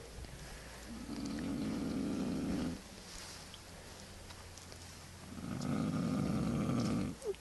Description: You hear a guy snore, you laugh. Simple